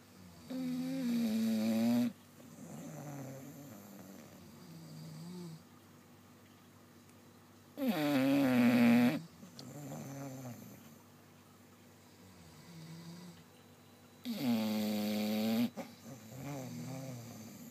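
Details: Snoring at midnight: three loud, vibrating inhaled snores, each followed by softer snoring exhales, about ten breaths a minute.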